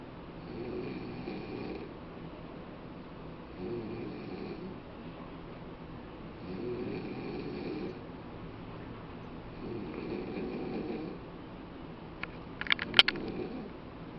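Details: An adult woman asleep on a couch, with soft rasping snores on each in-breath, about four a minute, and a few clicks near the end; ordinary snoring.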